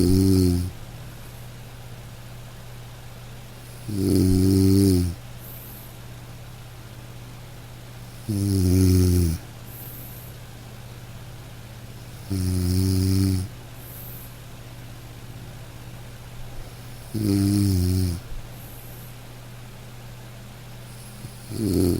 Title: Snoring Sound Effect to Fall Asleep / Black Screen / Short